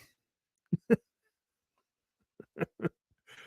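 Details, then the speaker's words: Dog sleeping in a quiet room near dinner time: short, low snorting bursts in pairs; snoring. "Copper's over there snoring. I don't know if you can hear him. He's over there."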